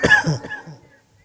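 An adult man gives a short cough followed by a low rasping throat clear, lasting about one second.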